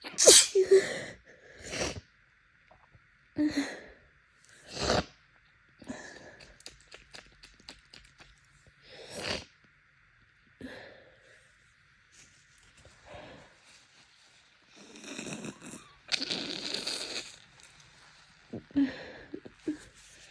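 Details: Adult with pollen allergy during allergy season, with swollen, bloodshot eyes: repeated wet, congested sneezes with snuffling and nose blowing between them; allergic rhinitis sneezing fit.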